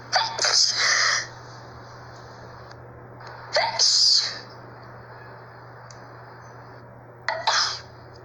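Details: Three loud sneezes, several seconds apart, from a person in Brazil who says it had been a long time since they last sneezed; each is a quick intake then a forceful hissing burst, over a steady room hum.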